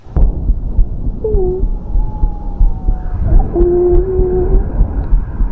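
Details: Student demonstrating lung auscultation with stethoscope diaphragm, front and back, patient breathing in and out; concludes normal vesicular murmur with no added sounds, though finding is labelled adventitious lung sounds.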